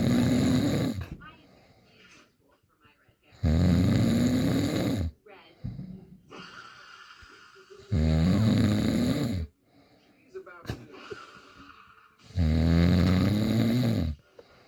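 Loud, rattling snores on each breath in, about 13 a minute, with quieter breathing out between; heavy snoring.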